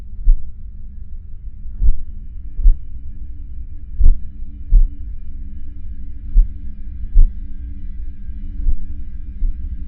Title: Heartbeat sound Bruit battement de coeur Suono battito cardiaco 1